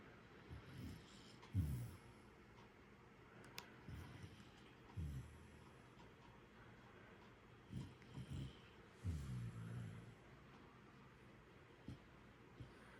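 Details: Jackador (Labrador–Jack Russell mix) puppy asleep, with quiet, low rumbling snores and snorts every second or two over steady room hiss; ordinary snoring.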